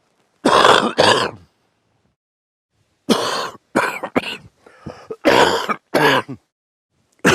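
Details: Several harsh, throaty cough bursts in clusters separated by quiet pauses from a man coughing during sleep at night.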